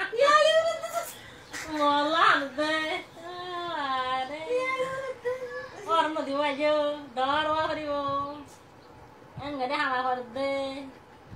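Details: Young girl crying for her uncle: long, wavering, sobbing wails with catching breaths between them; ordinary emotional crying.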